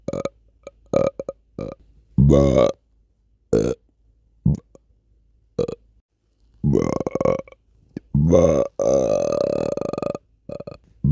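A series of short and longer voiced belches separated by quiet gaps: repeated burping.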